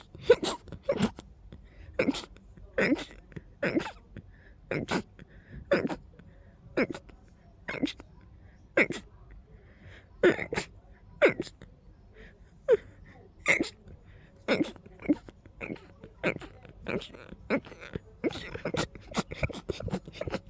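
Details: Person with a deep, harsh nose tickle: a rapid run of about two dozen short, sharp sneezes in a quiet room, one right after another; repeated sneezing fits.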